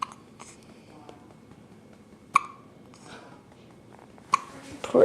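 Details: Hiccups in a 9-day-old newborn baby: two or three abrupt, brief catches about two seconds apart over quiet room noise.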